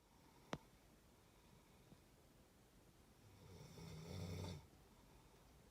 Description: A short, one-minute sound clip of snoring going from soft to rough!